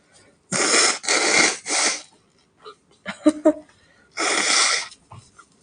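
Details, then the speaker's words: Sneeze from a woman during a livestream; she is hoarse from a cold this time, though she usually has rhinitis. "这次不是鼻炎的问题我嗓子也哑了我平时都是鼻炎我平时都是鼻炎但是我我这两天是感冒了嗓子哑掉了"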